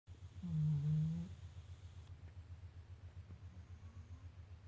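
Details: Snoring puppy, passed out asleep after a long day of swimming: a brief low snore, then soft steady breathing; harmless snoring in deep sleep.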